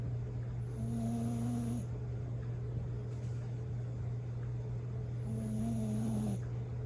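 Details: Bichon Frise dog snoring: two steady, whistling snores about four seconds apart over a constant low hum; snoring.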